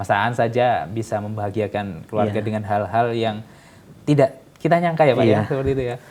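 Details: Adult man speaking; normal speech.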